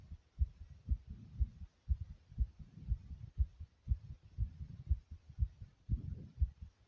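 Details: Own heartbeat beating fast and hard, about 120 beats a minute, with strong thumps and occasional low stomach growls heard too: fast forceful heartbeat.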